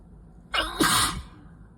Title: 1/12/23, itchy and messy sickie/allergy sneezing fit